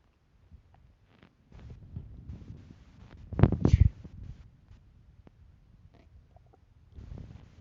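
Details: Hungry stomach rumbling: low, irregular gurgling rumbles with one louder churning burst midway, normal hunger bowel sounds.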